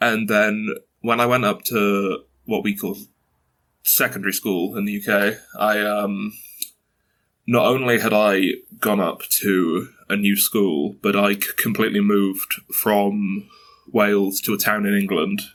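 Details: 22-year-old man who has stuttered since early childhood, mother also stutters, reports blocks and repetitions; stuttering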